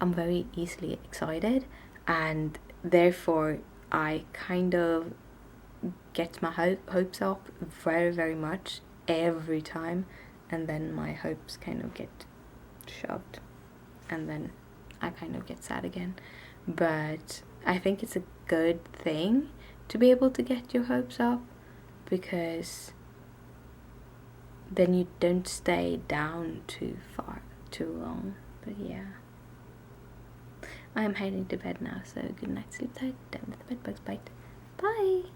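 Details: Adult woman with stuttering and tics, both present since waking that morning on a bad day; she reports her stutter is worse in Swedish than in English. Finding: stuttering.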